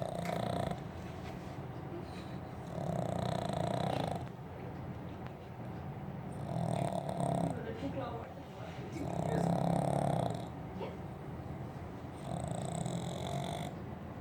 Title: The snoring pug !